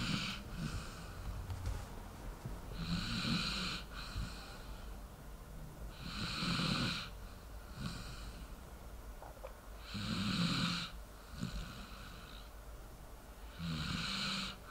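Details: Sleeping dog snoring: soft rhythmic snoring, about 17 breaths a minute, with a low rattle on each breath; snoring.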